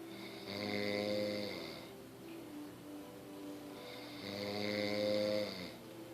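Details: Loud snoring: two long, harsh, rattling inhaled snores with a quieter breath out between them.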